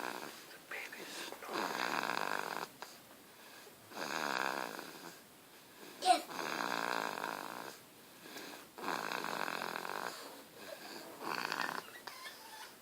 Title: Funny baby snoring